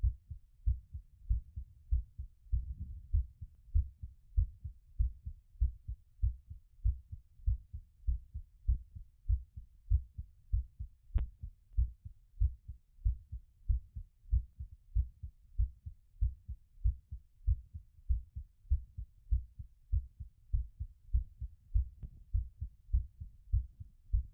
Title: Post exercise recovery auscultation